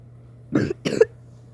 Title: playing MSM at 4 am (I don't feel that good that's why I'm coughing)